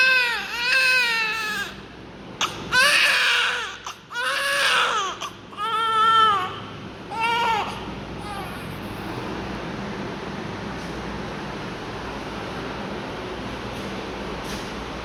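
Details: Several short, high-pitched cries from a newborn described as having a breathing problem, with suction mentioned, in the first eight seconds; then steady room noise with no crying.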